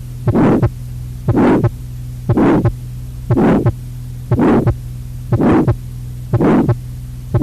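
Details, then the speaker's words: Systolic ejection murmur of tetralogy of Fallot: regular beats about 60 a minute, each with a harsh rasping murmur over a steady hum. In tetralogy, a louder, longer murmur indicates less severe disease than a short one. "So if you remember this, in tetralogy of Fallot in cyanotic child, the louder murmur is good, better than very short murmur."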